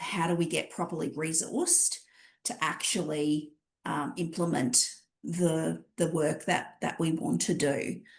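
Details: Adult speaker; normal voice.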